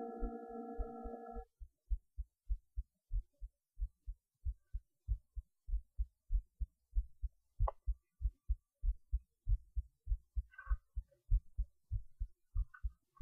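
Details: Steady, regular heartbeat recorded through a cheap acoustic stethoscope, about 90 beats a minute, after a brief humming noise; normal heart sounds.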